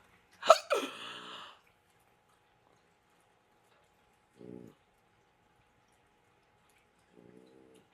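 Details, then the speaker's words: Adult woman with hiccups, speaking with temporary dentures just after full teeth extraction, about to hold her breath 10 seconds: a sharp voiced hiccup followed by two faint, short throaty sounds. "I swear I sound like I have turn RS with these hiccups why but let's hold our breath for 10 seconds see if it'll go away"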